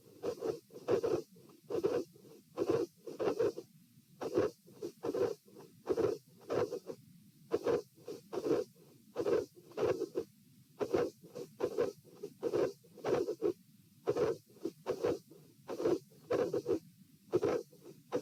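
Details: Stethoscope heart sounds at position P during an auscultation stress test, lying, sitting and standing, in a patient with dilated aortic root: irregular rhythm around 66–72 bpm, midsystolic murmurs and a cyclic extra component near S2.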